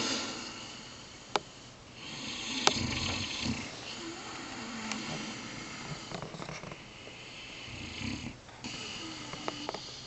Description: rottweiler and english mastiff sleeping in the office and snoring :)